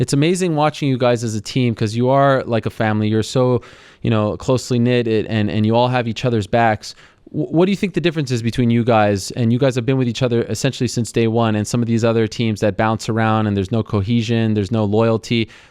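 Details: Adult man speaking; ordinary speech.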